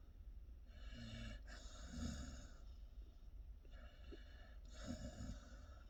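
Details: A sleeping pit bull puppy outdoors gives two slow, rhythmic breaths with raspy, rattling snorts on each, over a steady outdoor rumble: snoring.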